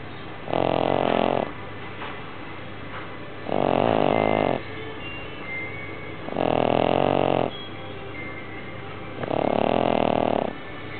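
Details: Sleeping pug: loud, rhythmic rattling snores, about 22 a minute, each lasting about a second with quiet gaps between; ordinary snoring.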